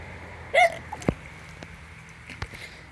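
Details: A child with ongoing hiccups while in a pool: a single sharp hiccup-like gulp, followed by small clicks and splashy background noise.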